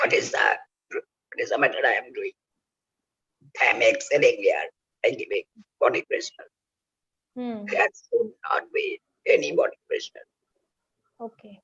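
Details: Adult male laryngectomee whose voice box was removed for cancer, using oesophageal speech by the injection method; oesophageal speech after total laryngectomy.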